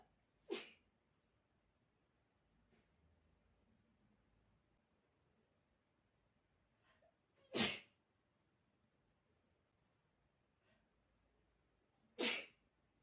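Three short, sharp sneezes spaced several seconds apart in a quiet room; repeated sneezing.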